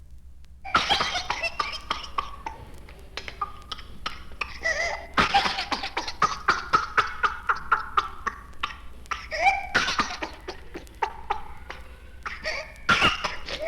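A child's rapid runs of short coughs, broken by high, drawn-in crowing breaths: the paroxysmal cough and inspiratory whoop of whooping cough.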